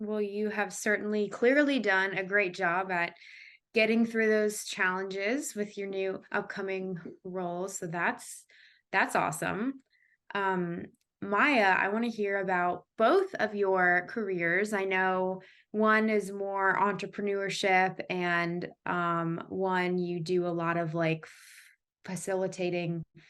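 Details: Adult woman who has stuttered since she began talking (developmental stuttering), speaking with stuttering.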